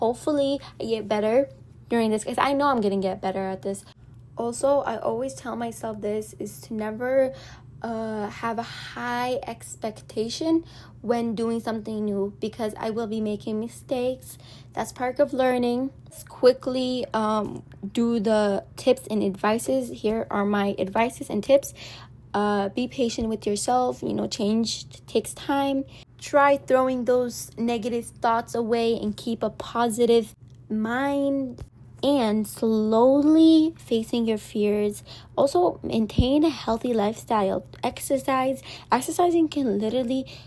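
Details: Woman, Arabic native speaker speaking English, with self-reported frequent stuttering and social anxiety, nervous while recording (stuttering).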